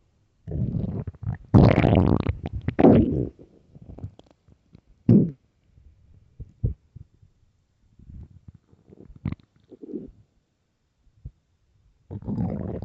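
Irregular low gurgling rumbles and squelches in bursts, separated by quiet gaps: ordinary stomach growling, a normal gut sound.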